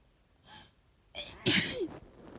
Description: Caught a cold. It was tickling all day!